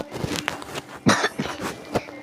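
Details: Cough.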